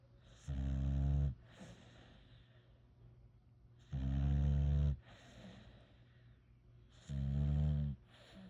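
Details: Sleeping puppy, Labrador–pit bull mix, snoring: deep, steady snores about every three seconds, roughly 19 a minute, with soft breathing out between.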